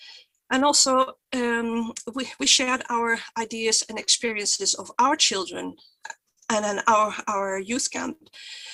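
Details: Stuttering in an adult woman who identifies herself as a person who stutters, with stuttering blocks.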